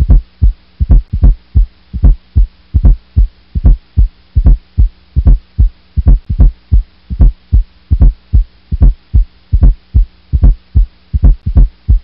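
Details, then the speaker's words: S4 gallop (stiff ventricle, "a stiff wall" cadence): steady low heartbeat about 74 per minute with a soft extra sound just before each first heart sound. "a stiff stiff 1/5 are being s for spiff being s1 and well-being as to practice saying a fifth wall a stiff wall allowed as you listen to this here is s"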